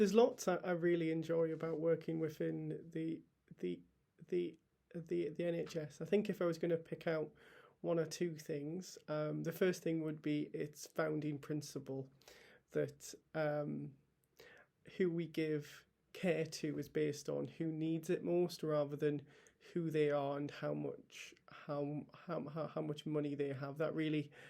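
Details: Stammering in an adult male NHS paediatric trainee doctor who has stammered for as long as he can remember and allows himself to stammer openly.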